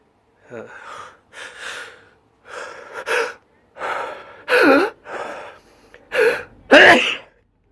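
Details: Allergy sneezing fit: a rapid series of about eight sneezes with gasping inhalations in quick succession, the person saying "Excuse me, I'm gonna sneeze again."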